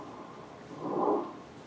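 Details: Inspiratory stridor in a child with croup, an extrathoracic narrowing at the larynx, usually caused by parainfluenza virus; pediatric respiratory assessment teaching example.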